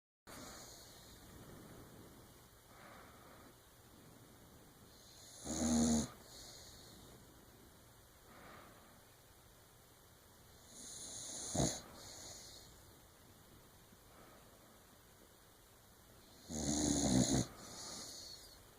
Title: Karma snoring....